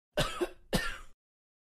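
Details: Adult man coughing, sound-effect recording: two short, harsh coughs, each a rough burst of air with a throat-clearing quality, in a quiet room.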